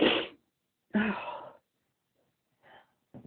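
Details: Two sharp, forceful sneezes in quick succession, described as itchy sneezes, then faint breathing and a brief sound at the end; ordinary sneezing.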